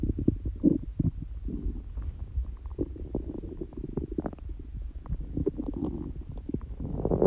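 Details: Person prone to frequent loud stomach noises, neither hungry nor with stomachache: continuous low gurgling and rumbling bowel sounds with bubbly pops, ordinary stomach growling (borborygmi).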